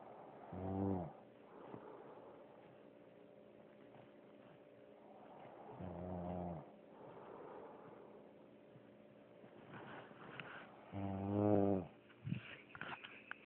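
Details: Three low, rumbling snores at irregular intervals, with a soft grunt and background hum; snoring.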